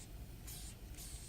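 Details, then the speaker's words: Nursing validation demo of tracheostomy suctioning, with continuous suction set at 100–120 mmHg. Short bursts of wet hissing as normal saline is drawn through the suction catheter to clear the tubing. "take the suctioning tube and apply it to the end of the catheter without contain without contaminating my dominant hand and I'll go ahead and clear the tubing"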